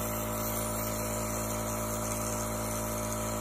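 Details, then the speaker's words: Boryan tabletop nebulizer compressor switched on with mask and medication jar attached: steady mechanical hum with a fast, even buzzing pulse. "this nebulizer provides the constant delivery of high quality treatment that you can rely on"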